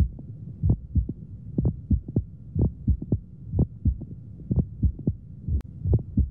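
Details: Crunching, crackling sound synchronous with the heartbeat, auscultated over the precordial area in pneumomediastinum, with chest X-ray showing a double pericardium sign; Hamman's sign (mediastinal crunch).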